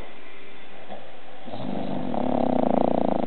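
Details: One-year-old bulldog snoring while sleeping on the owner, said to snore like a human: a low, fluttering rumble that builds in loudness, a rapid vibrating snore.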